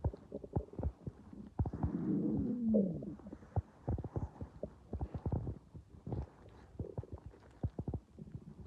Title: So I’m hungry today and you can hear my stomach growling #emptystomach #stomachnoises #hungry